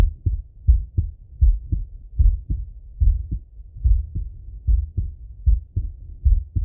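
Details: Full heart auscultation of a male through a stethoscope, recorded either sitting at a desk or lying in bed: clear regular lub-dub at about 76 a minute with no added sounds; normal heart sounds.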